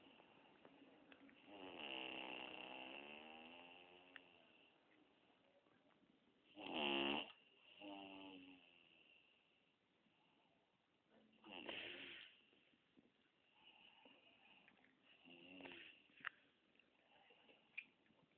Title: Suara Mendengkur